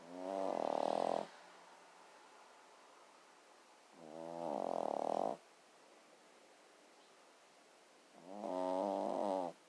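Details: Sleeping small dog snoring: three short, buzzy, tonal breath noises about four seconds apart, roughly 15 a minute, with quiet between.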